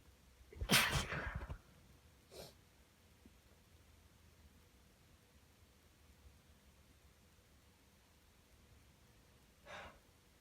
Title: cold sneezes in a tissue and final nose blow (M)